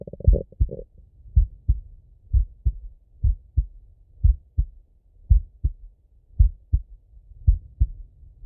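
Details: Male heartbeat through a stethoscope, relaxing slow auscultation: steady low lub-dub beats about 56 a minute; slow, regular heartbeat with normal heart sounds.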